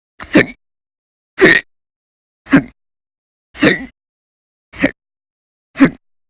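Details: Six sharp, abrupt hiccups recur about once a second against silence, from violent, very loud hiccups; persistent hiccups.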